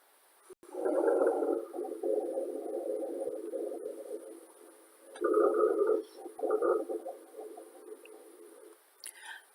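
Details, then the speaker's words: Low, snoring, rumbling musical breath sounds across two long breaths as air passes over mucus-like secretions, from an auscultation teaching demonstration; resembles wheezing, may clear with coughing: rhonchi. "when the air passes over an area where there's mucous iike secretions we're going to hear something called rhonchi"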